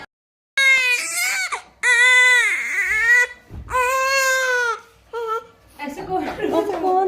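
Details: Newborn in hospital crying loudly and high-pitched in repeated wailing bursts with brief pauses and a whimper at the end; an ordinary healthy-sounding newborn cry in a small room.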